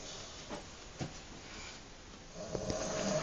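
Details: Person snoring during sleep: soft, rough breathing noises with a louder rattling stretch at the end.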